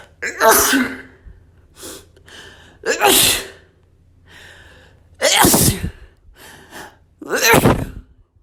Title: I had dust sneezes